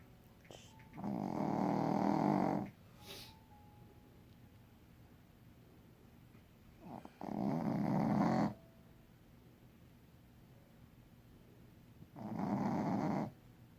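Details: Tired sleeper snoring loudly: three loud, rough snores on the in-breath, about 11 breaths a minute, with quiet pauses between, in a still room.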